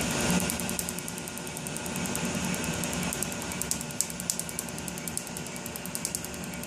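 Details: Quick, sharp snapping clicks of a laser tattoo removal device firing pulses on the inner arm over a steady room hum, during the 4th of an estimated up to 12 sessions.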